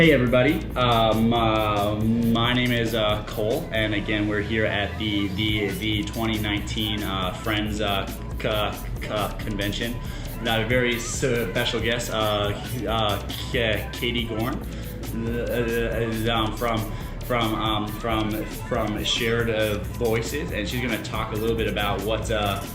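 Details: Male host interviewing at the 2019 convention of a national association for young people who stutter; stuttering.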